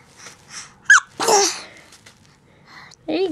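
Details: Fake sneeze by a 7-month-old infant: a sharp, breathy, sneeze-like burst made on purpose, with brief adult voices around it.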